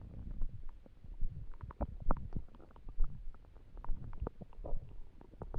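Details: Stomach rumbling (borborygmi) while trying to sleep with an empty stomach: low gurgling rumbles and bubbling that rise and fall in a quiet room.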